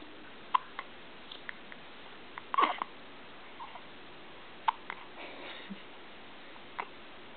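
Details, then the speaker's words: Recurrent hiccups in a man, which usually sound louder: short, sharp gulping hiccup sounds at irregular intervals, about 29 a minute, in a quiet room. "you got the hiccups? Sound like a drunk man, huh?"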